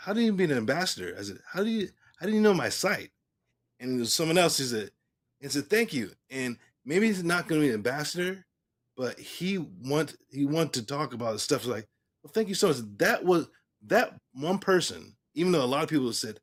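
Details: Male stroke survivor speaking about 3 years and 5 months after his stroke: post-stroke aphasia.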